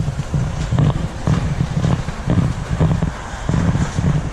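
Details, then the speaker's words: Suffolk ram, sick with runny nose, fever 104.2°F (105 the night before) and lethargy under vet-guided treatment: rapid, rough, raspy, wet-sounding breaths suggesting respiratory congestion. "Hear how raspy that is?"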